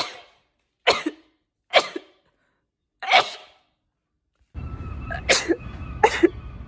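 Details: sneezing: Six quick, explosive sneezes in a row from a compilation of rapid sneezes, the last two over faint background music; an ordinary sneezing fit.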